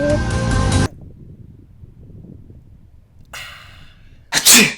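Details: Acted sneeze in a comedy sketch of sneeze types: music cuts off, a short pause, then a sharp, loud, hissing sneeze burst.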